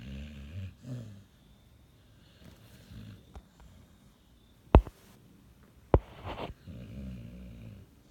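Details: Sleeping Pit Bull dog said to have sleep apnea and restless leg syndrome: soft, low snoring breaths with a long pause between them and a few sharp knocks; snoring.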